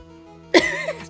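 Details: One short, harsh cough burst after quiet background music; cough.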